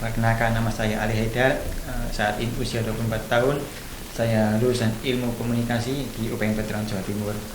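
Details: 24-year-old male with congenital severe bilateral hearing loss from maternal rubella, diagnosed at 8 months, hearing aids until age 4, then a right-ear cochlear implant, hearing only with the right ear; cochlear implant user's speech.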